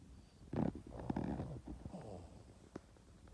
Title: Cute Boston terrier dog Yoda sleeping like a baby and snoring 😴